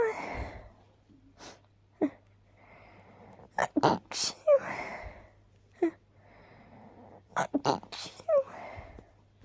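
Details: Short inward breaths followed by several sharp, muffled sneezes, deliberately stifled with a little "choo" sound at their ends. Repeated stifled sneezing.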